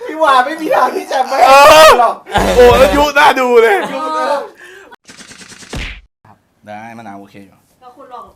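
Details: Thai speaker from a group of people who stutter, heard during a challenge game; stuttering.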